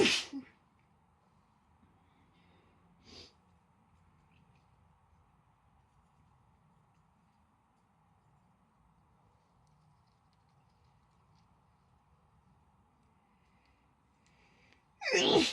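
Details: Female stifling sneezes: three muffled, stifled sneezes separated by quiet room noise; suppressed sneezing.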